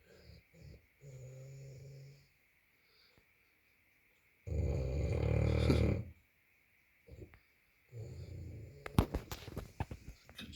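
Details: Bulldog snoring while sleeping: noisy low snoring breaths with a few loud rattling snorts and brief sharp knocks near the end.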